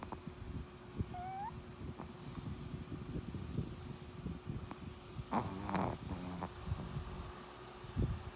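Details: Steady low rumbling snore from a soundly sleeping dog, with a brief high whine and a short squeaky sound over background noise; a dog snoring.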